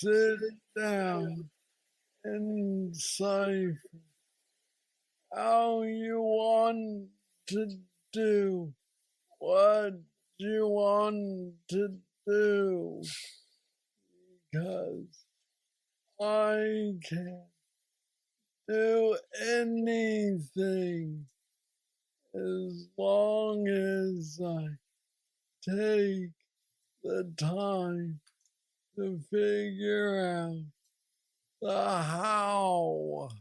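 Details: Man diagnosed with aggressive Parkinson's disease at age 35, now 46, reporting steady decline since diagnosis and mobility struggles; has a brain neurostimulator implant; Parkinsonian speech (hypokinetic dysarthria).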